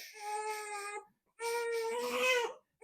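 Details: Fed baby boy with a clean diaper being swaddled, swayed, shushed and held on his side by a pediatrician: two sustained, tonal cries with a short pause, a fussy crying infant.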